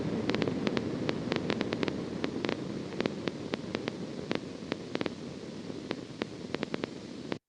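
Steady seashell-like hiss with irregular sharp crackling clicks scattered throughout; endplate noise with endplate spikes, a normal finding.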